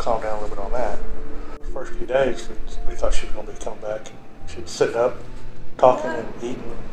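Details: Adult male speaker; typical speech.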